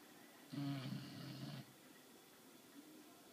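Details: A single low, rattling snore about a second long over quiet room noise, from a sleeping dog.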